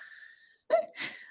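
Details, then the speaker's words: An adult vocally imitates neck crepitus, the clicking and cracking of the neck, with a brief gritty burst. A chiropractor had told them this is normal. "ally says my neck keeps clicking our bones no it's just crepitus like mine crack when i do this it sounds like"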